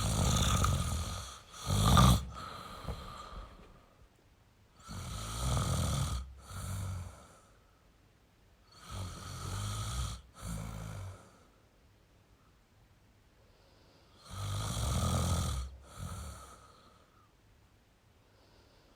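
Four rough, rumbling snore cycles, each with a harsh snore and a softer second burst, at about 13 breaths a minute.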